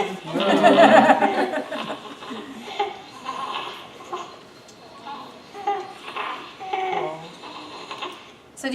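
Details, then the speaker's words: Infant in respiratory distress with croup: harsh, musical noise on both inspiration and expiration, stridor from extrathoracic narrowing up in the larynx, taught in a pediatric respiratory assessment class. "hear the wheezing and inspiration and on exhalation so does that give you a clue as to where the narrowing is coming from and you that's extra thoracic are up in the larynx all right so the cause of croup is a virus"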